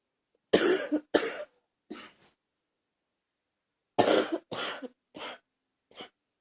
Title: #70 coughing again